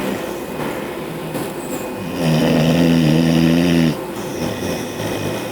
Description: This is my bulldog burke snoring away. Background noise is my window ac..